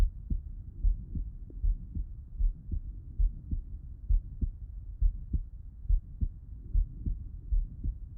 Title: Heart Auscultation Lying on the Left Side ❤️🩺